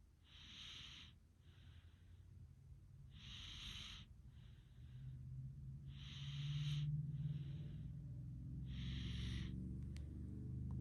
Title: Oddly satisfying Snoring sounds enjoy